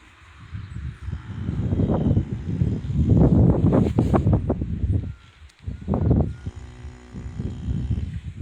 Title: Horse Snoring During Morning Nap || ViralHog